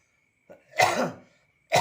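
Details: Person with a cold (pilek), dizzy head and cough, who says they felt better right after kerokan (coining); one harsh single cough with a faint lead-in, then the start of a second cough.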